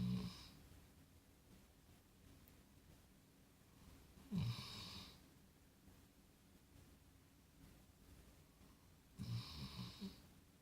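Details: Quiet, deep snores about every five seconds, each a short rough rumble on the in-breath; ordinary snoring.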